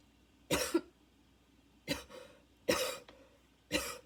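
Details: Four harsh barking coughs with brief noisy wheezy breaths between, during a second coughing fit, person feels an inhaler is badly needed; barking cough with wheeze.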